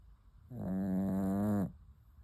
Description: Relax to the sound of a snoring puppy.